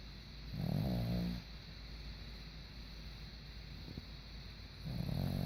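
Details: Sleeping dog snoring: two deep, rumbling snores about four seconds apart over steady room hiss.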